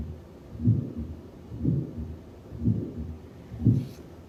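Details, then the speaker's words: Aortic stenosis murmur, a loud whoosh, on a simulator used in physician assistant training. It is loudest over the aortic valve, quieter over the pulmonic valve, and quieter still farther from the valve. "it's called aortic stenosis wow that's some whoosh huh now you'll hear we're listening over the aortic valve so obviously it's the loudest when we move over the pulmonic valve it gets a little quieter"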